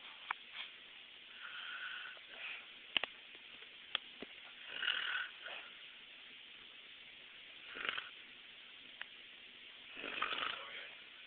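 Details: Grandmother snoring during sleep: soft, hissy snoring breaths about every three seconds, about 20 a minute, with faint clicks between.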